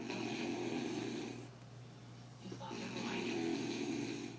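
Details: Ordinary adult snoring: loud, rattling snores on both inhalation and exhalation, with a brief quieter pause between them.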